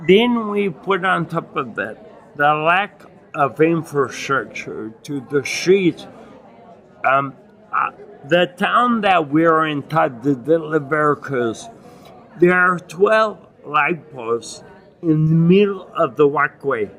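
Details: Adult man with acquired ataxia and myoclonus (Lance-Adams syndrome) after brain damage from Legionnaires' pneumonia and a 12-day induced coma, reporting difficulty speaking and articulating and getting winded; ataxic dysarthria.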